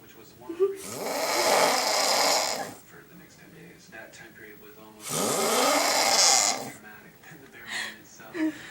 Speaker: it is approximately um 3:20 a.m. and my brother's snoring so we're going to go videotape him cuz he doesn't think he's snor so let's go